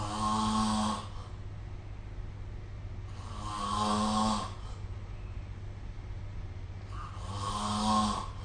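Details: Snoring recorded with the SnoreLab app: three loud rumbling snores on inhalation at about 16 breaths a minute, with quieter exhalations between and a steady low room hum.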